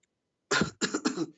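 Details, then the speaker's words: Cough during a live online debate: three short, harsh, throaty, loose coughs in quick succession after a brief silence, close to throat clearing. The cougher blames eating too many chips. "You are coughing from laughing at your prophet. I'm not. You are coughing from embarrassment."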